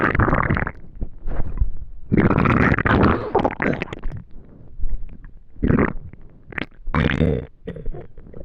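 Deep rumbling and gurgling bursts with short squelches between quieter gaps; hungry stomach growling, a normal bowel sound.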